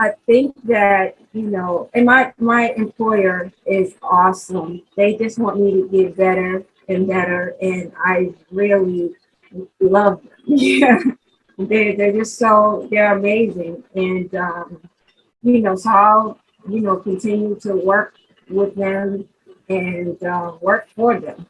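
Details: 43-year-old woman who had a stroke in 2020, lost the ability to talk and has had several speech therapists, real post-stroke aphasia.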